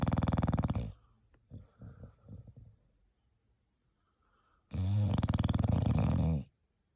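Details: English bulldog snoring loudly, likened to a pneumatic drill: two rapidly fluttering snores with soft breathing between them; heavy flat-faced dog snoring.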